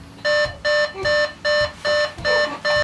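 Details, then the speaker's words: Angelcare baby breathing monitor with sensor pad: no baby movement or breathing sensed for about 20 seconds triggers a repeated loud electronic tone, about seven beeps in under three seconds, on camera and monitor; baby breathing monitor alarm. "Now, if your baby does stop moving or breathing, or if you pick up the baby and there's no baby there, in about 20 seconds, it will alarm on the camera as well as the monitor."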